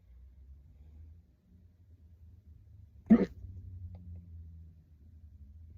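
A single sharp, jerky hiccup against low car engine rumble.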